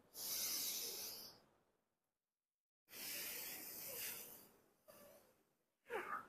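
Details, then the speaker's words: A chest physiotherapy demonstration of pursed-lip breathing: about 2 seconds of inhaling through the nose, then a long, steady 4-second hissing exhale through rounded lips, meant to empty trapped air from the lungs. "তাহলে সে প্রথমে দুই second ধরে নাক দিয়ে শ্বাস নিবে সে মনে মনে কাউন্ট করতে পারে এভাবে তারপরে মুখ গোল করে চার সেকেন্ড ধরে ছাড়বে"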